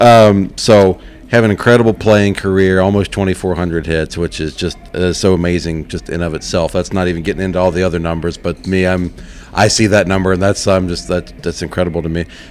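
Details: Adult male speaker; normal voice.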